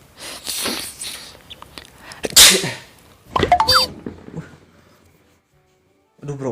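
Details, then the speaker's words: Single loud, sharp sneeze acted in an Indonesian comedy skit about coughing and sneezing being mistaken for corona, with talking and background music; the sneezer is told to see a doctor. "ke dokter aja mendingan mendingan lu cek aja dulu itu gimana itu lu bersin-bersin gitu"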